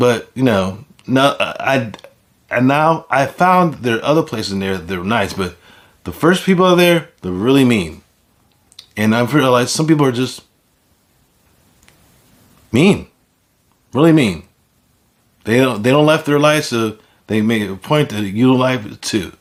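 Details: Adult man with aphasia after a stroke; aphasia.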